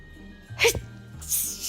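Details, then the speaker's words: A single sharp, loud sneeze after a brief intake of breath, over faint background music, from an adult who felt it coming on; it is one of several hard sneezes in a row. "i felt a sneeze coming on so i got my camera in"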